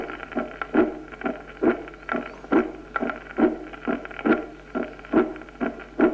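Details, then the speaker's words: Teaching auscultation recording of a regular heartbeat near 69 a minute with a loud, ringing, trumpet-like second sound, a finding described in aortic dilatation from arteriosclerosis, aneurysm or syphilis: tambour S2. "en la dilatación de la orta por arterioesclerosis en los aneurismas y en la sífilis el segundo ruido se vuelve musical y se parece al ruido de una trompeta por eso se llama cloroso"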